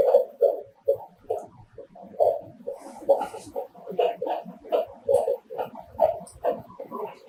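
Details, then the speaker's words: A handheld Doppler angled over the fetal back of a pregnant woman picks up rapid, rhythmic, high-pitched whooshing beats at about 150 a minute, to be told apart from placental souffle: normal fetal heart sounds. "são os batimentos cardiofetal sempre lembrar de diferenciar do sopro placentário"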